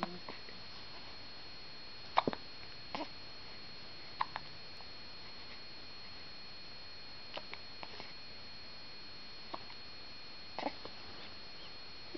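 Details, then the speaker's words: Faint, sharp, brief hiccup clicks at irregular intervals, about one every two seconds, over steady room hiss; hiccups. "You're not hungry. You're just hiccuping."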